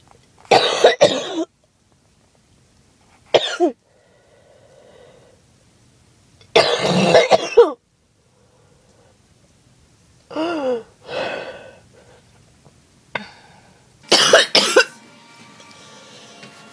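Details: Harsh, wet, hacking coughs in separate bouts with throat clearing and gagging, from a person who skipped breathing treatments repeatedly; chest hurts; choking cough, possibly allergies.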